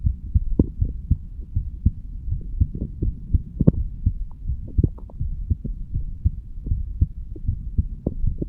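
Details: Heart recording of a 35-year-old male standing, taken at the bicuspid (mitral) valve area: steady low thumping at about 80 beats a minute with a faint hum behind it; normal heart sounds.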